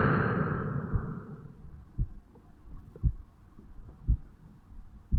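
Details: 35-year-old male, self-recorded at the bicuspid/mitral valve area on waking in the morning: soft low regular thumps about 60 a minute under early rubbing noise; normal heart sounds.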